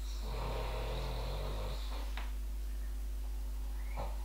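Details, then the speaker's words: A sleeping pet dog snores, a soft low rumbling over steady room hum, described as deeply asleep. "Bon, je suis désolée, mais là, Daisy, vous l'entendez bien ronfler. Elle est partie très loin."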